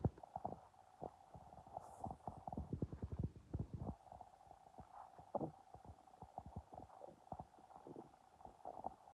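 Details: Hungry person with an empty stomach: stomach growling (borborygmi).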